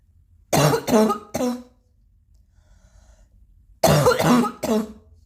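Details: Person still coughing a little: two bursts of three short, moist-sounding coughs each, separated by a quiet pause, with throat clearing nearby; mild repeated cough.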